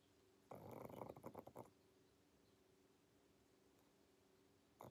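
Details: Rough, rattling snore-snort from Pangpang, a sleeping pug (small flat-faced dog), followed by quiet room hum; snoring.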